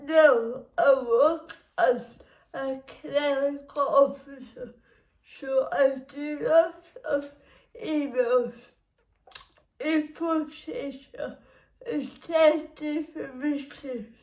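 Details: Dysarthric speech in an adult woman with cerebral palsy who works as a clerical officer; the cerebral palsy makes her muscles and movements difficult, and the speech disorder itself is not named.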